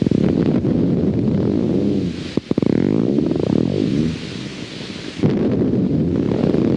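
Rapid repetitive electrical firing that speeds up and slows down, its pitch swooping up and down like a dive bomber: a myotonic discharge.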